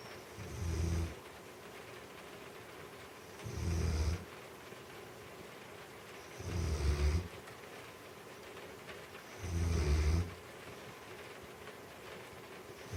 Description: We were watching a movie and had to turn the sound up 'cause the snoring was so loud.